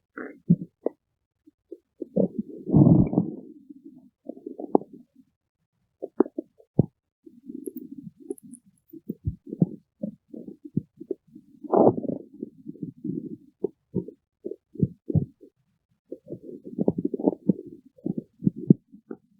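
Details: Stomach growling (borborygmi): irregular gurgling and rumbling bursts with quiet gaps between them.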